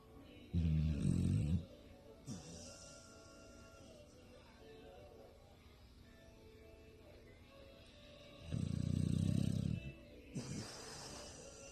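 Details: Two deep, rumbling snores about eight seconds apart with faint background sound between; snoring.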